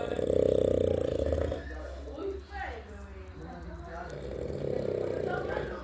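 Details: Loud, rough, rattling breathing through nose and throat, fading between louder stretches, in someone said to be very drunk; heavy snoring.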